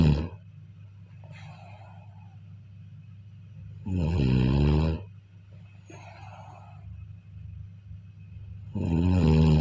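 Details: Sleep recording of a person snoring: two loud, rattling inspiratory snores about five seconds apart, with quieter breathing between, over a steady low room hum.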